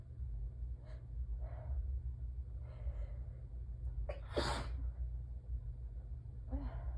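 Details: Person with allergies during an allergic sneezing fit, peppermint in mouth, using paper towel and handkerchief after a drop of blood: catching inhalations build to one forceful sneeze over a steady low hum.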